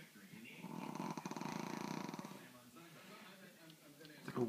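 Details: Rough fluttering inspiratory snore then quieter snuffling from a flat-faced Brussels Griffon–Pug cross dog; snoring through narrow airway.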